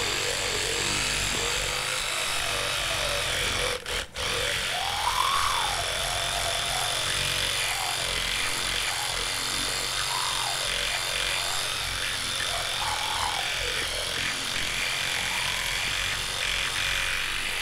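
Steady buzzing hum with shifting pitch as the brush moves over teeth; electric toothbrush in use.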